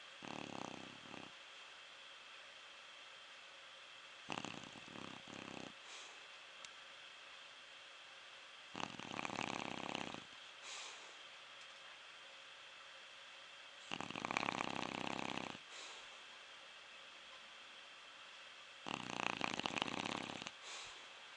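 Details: Deep sleep: quiet, steady snoring with five rasping breaths at regular intervals, about one every five seconds, over a soft room hum.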